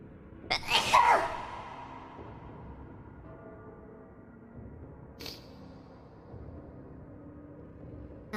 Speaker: i need to sneeze this is bad where did i put my face